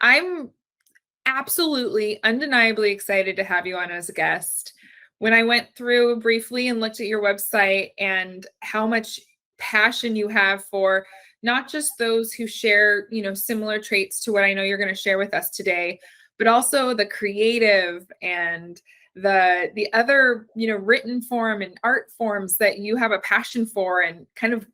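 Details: Adult woman; typical speech.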